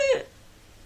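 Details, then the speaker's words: Adult vocal imitation of inspiratory laryngeal stridor, like croup: a brief high-pitched crowing intake of breath. It is demonstrated as a sign of respiratory obstruction to watch for after thyroid surgery for hyperthyroidism. "And if you don't know what stridor is, it's kind of like this sound that is made on inspiration. So if you ever had a kid with croup, they have stridor, but it's kind of like a,"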